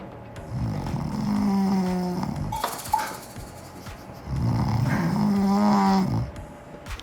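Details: Home footage of a newlywed husband with severe snoring and suspected sleep apnoea, worse after drinking, before a sleep study: loud, rattling snores on two successive breaths, a pattern consistent with obstructive sleep apnoea.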